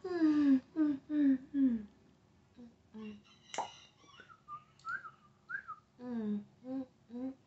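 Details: Adult woman with new tics during a tic attack: irregular bursts of short, falling-pitched vocal sounds, a sharp click and brief whistles; vocal tics, with profanity and lewd gestures.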